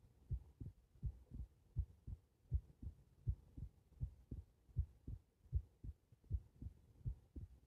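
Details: Heart recorded lying on the back (supine): soft, low, regular paired beats at about 80 a minute with a faint background hum; normal heart sounds.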